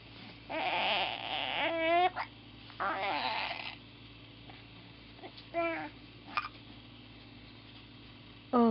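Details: Infant with hiccups: short fussy cries and whimpers with brief voiced catches between them, in a quiet room.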